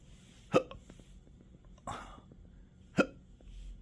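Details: Intractable hiccups with belching, choking spasms and developing achalasia since December 2015, in 12-hour episodes now 7 days a week: two sharp, abrupt hiccups about two and a half seconds apart with a breathy gulp between.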